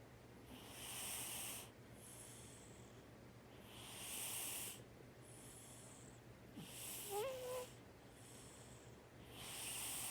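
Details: A cat snoring lightly while napping: soft, hissy breaths recur every couple of seconds, about 25 a minute, with one brief chirp near the end as it wakes.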